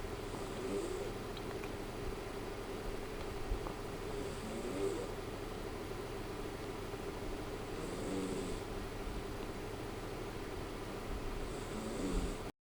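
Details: A sleeping cat snores loudly and regularly, with a rough rattle and a hissing exhale about every four seconds: snoring.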